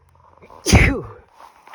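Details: One forceful, harsh sneeze, a short intake then a loud explosive burst trailing off; deliberately induced sneezing after dusty pet-shop bedding exposure, sneezes rough enough to leave a sore throat.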